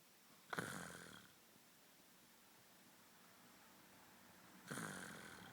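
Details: Someone asleep: two loud, rattling inspiratory snores about four seconds apart, with quiet pauses between; typical snoring.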